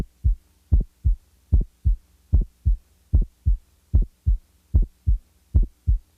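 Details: Regular heartbeat near 75 per minute with a widely split first heart sound, heard as a doubled thump.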